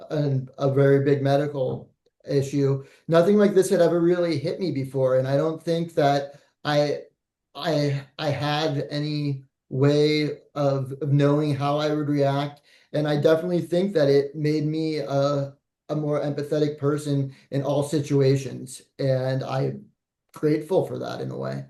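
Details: Adult male speaker; no speech disorder.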